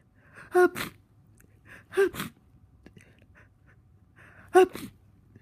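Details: Person with a cold, a very tickly nose and congestion, feeling miserable: three sneezes, each a quick in-breath then a sharp explosive burst, in a quiet room.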